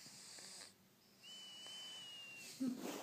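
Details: Pet mouse asleep: a thin, high whistling breath sound over quiet room noise, ending in a brief snort; a small animal's snore.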